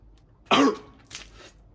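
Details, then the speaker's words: Acted imitation of coughing when water goes down the wrong way while drinking: a single sharp cough with a softer follow-up; cough after drinking. "we're drinking water in you cough"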